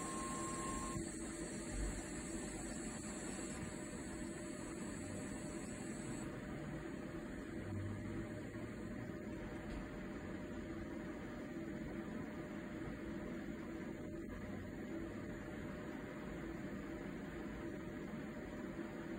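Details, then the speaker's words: Puritan Bennett 940 ventilator running its short self test (SST), oxygen test step, after O2, air and power are connected. Steady hum and hiss with faint clicks. Ventilator self-test sounds. "First test passed. Disconnect expiratory filter. Expiratory filter disconnected. Reconnect expiratory filter."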